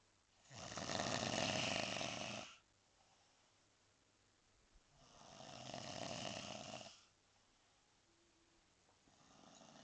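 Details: Visitor who snores very loudly and always falls asleep: two long, loud, rough snoring breaths about four seconds apart with quiet pauses, a third starting.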